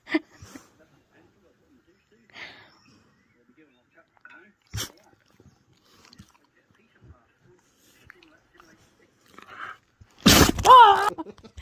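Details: Loud wet explosive dog sneeze near the end, preceded by scattered quiet snuffles and sniffs; sneezing.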